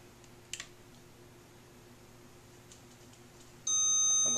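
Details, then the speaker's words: LIFEPAK 9 defibrillator preventive maintenance: a few button clicks, then a loud steady high-pitched tone as it charges to its maximum of 360 joules; analyzer verifies 360 joules. "then we'll repeat the process at it's our maximum which is 360 go ahead and charge that up"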